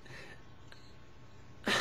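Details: Adult woman with Tourette syndrome, chronic tics including throat clearing, barking, screeching and grunting, worsened by nervousness; cough-like phonic tic.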